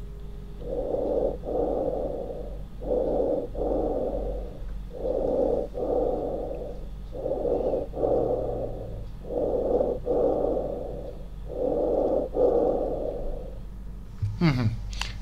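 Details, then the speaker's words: Normal bronchial breath sounds demonstrated during a pulmonary examination lecture: loud, harsh, hollow breathing with a clear pause between inspiration and expiration. "now please normal bronchial breathe sounds normal bronchial breath sounds once again please normal bronchial breath sounds"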